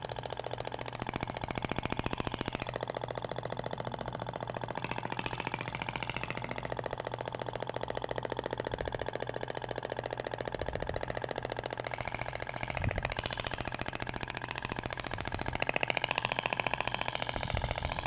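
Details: Thork shockwave therapy applicator with a spherical tip on a patient's abdomen, passes in two directions: rapid, steady mechanical rattling pulses with a low hum behind; shockwave device firing continuously.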